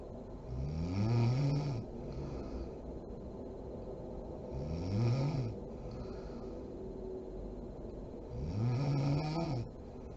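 Three loud, rough snores on inhalation, about 15 breaths a minute, with steady room noise between them: ordinary snoring in sleep.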